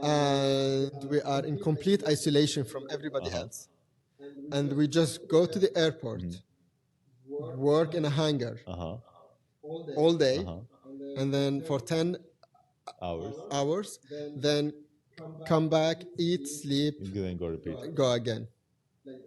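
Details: Adult male engineer with lifelong stuttering since childhood, which he reports overcoming through therapy and controlling with learned techniques; stuttering.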